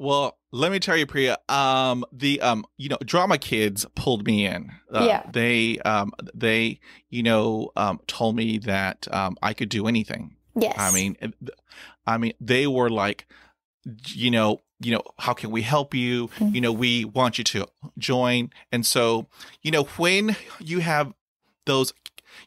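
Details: Adult male who has stuttered since childhood, reporting sound repetitions, blocks with closed eyes and stopped breathing, and heavy breathing on attempted words; stuttering.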